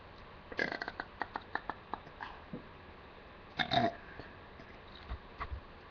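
A run of small clicking gulps, then a short rumbling burp and a few faint ones after; ordinary belching in a quiet room.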